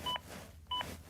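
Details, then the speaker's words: ZOLL AED Plus Real CPR Help feedback during CPR demonstration: two short electronic beeps in steady rhythm pacing chest compressions; device warns if compression depth is under 5 cm. "si la profondeur des compressions est de moins de 5 cm le de le détecte et vous averti toutes les 15 secondes jusqu'à ce que vous atteignez le trait supérieur"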